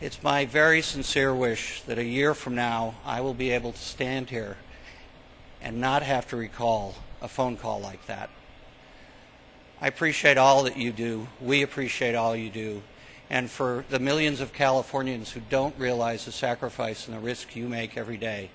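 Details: Adult man speaking; normal voice.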